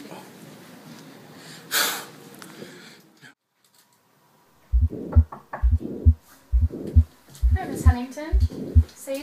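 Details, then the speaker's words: Simulated nursing-training scenario: regular heartbeat near 67 per minute with a soft rushing sound after the beats, a diastolic murmur from blood flowing backward through aortic and pulmonic valves (regurgitation). "Well, I think I heard a diastolic murmur. Okay. What's that? That's when blood is falling backwards through your aortic and pulmonic valves when they should be closed all the way."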